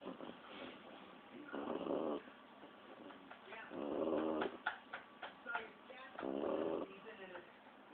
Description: Lilly the Staffy pup at 16 weeks snorring.